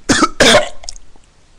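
Two sharp, forceful coughs in quick succession, the second slightly longer and fading into quiet room noise; a plain adult cough.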